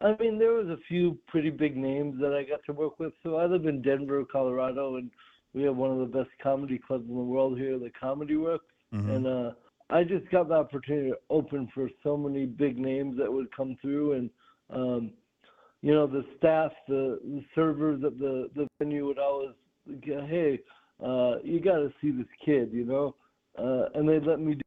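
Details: Adult male comedian with cerebral palsy, which affects his balance, has dysarthria from cerebral palsy, heard in conversational interview speech.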